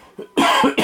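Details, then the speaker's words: Two abrupt, harsh cough bursts from an adult man who says he has an upper respiratory infection, with throat clearing: cough. "me, I'm got a upper respiratory infection, so that's why I sound a little off, and I've got this cough and clearing in my throat."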